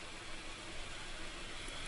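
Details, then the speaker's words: Respironics 250 CPAP machine with humidifier, switched on in therapy mode: a steady low whooshing hum as it blows air at the prescribed pressure. "when the therapy box is highlighted you just push the button in and let it up and your machine will turn on"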